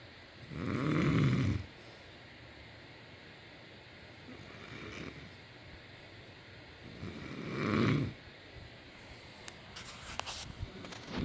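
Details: A man snoring: loud, rough snores on each inhaled breath, roughly every seven seconds, with quiet breathing between and faint room clicks.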